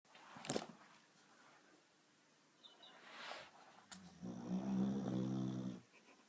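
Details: A snorting breath, a soft sigh, then a long, deep, rumbling snore from a sleeping Boxer dog that stirs at its own snoring; snoring.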